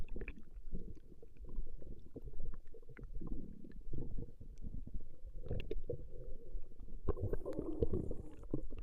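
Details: Female's stomach growling recorded over a 20-minute session: continuous low rumbling and gurgling with scattered pops, ordinary borborygmi.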